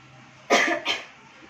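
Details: Effective cough and deep breathing demonstrated by a student: right hand on the upper chest, left hand below the ribs, inhale through the nose three times, then exhale through the mouth and cough; two forceful cough bursts.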